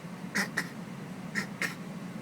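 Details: A child's goofy cough while camping: four brief honking, almost quack-like bursts over a steady low hum.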